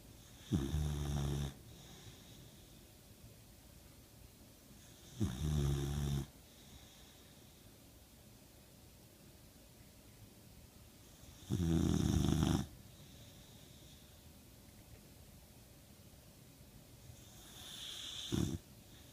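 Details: Rough, rattling snores during sleep, four in about nineteen seconds, with quiet room noise between them; snoring.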